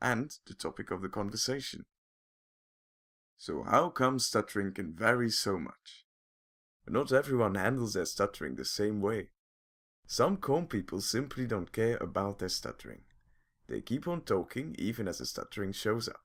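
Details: Adult male narrator; typical fluent speech.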